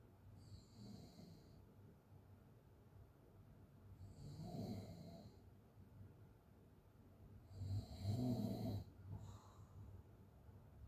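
Soft, low, rattling open-mouth snores on the in-breath, about 17 a minute, with a faint background hiss between breaths.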